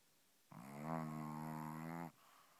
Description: Aiko the Boston Terrier shows you just how noisy a doggie can sleep.